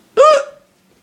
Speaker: i have the hiccups a lot i had the hiccups a lot as you can tell this is my third video for the hiccups